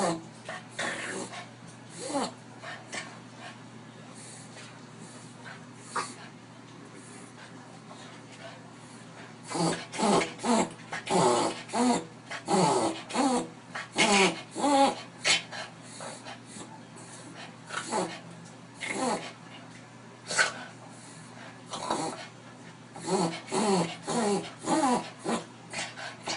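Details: A dachshund gives bursts of rapid, harsh snorting intakes of breath, typical of reverse sneezing.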